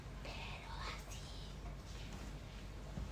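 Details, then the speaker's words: Simulated whispered pectoriloquy (pectoriloquia áfona) demonstrated in a respiratory semiology lecture alongside bronchophony: a soft whispered voice imitating whispers carried clearly through the chest wall. "Esta es la broncofonía o ecofonía y la pectorilopeia afona, que también se puede escuchar como que escuchas en la transición de la voz,"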